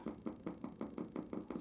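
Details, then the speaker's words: Needle EMG demonstration in a muscle during voluntary activation: rapid, regular knocking pops about five to six a second from motor units of normal amplitude; one motor unit looks polyphasic, possibly abnormal. "there's another one there's two more motor units normal amplitude that one one of them looks polyphasic"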